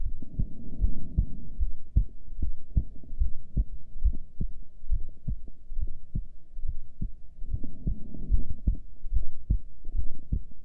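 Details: Normal heartbeat recorded during a breath hold with heart rate display: steady low thumping at about 73 beats a minute under a faint hum.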